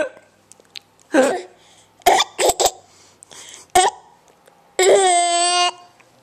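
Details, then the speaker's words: Young child with hiccups while laughing: several short, sharp vocal catches with soft laughs between them, then a brief voiced squeal; hiccups. "Oh, now you got the hiccups. Oh, no. Now she's going to laugh and get stopped by your"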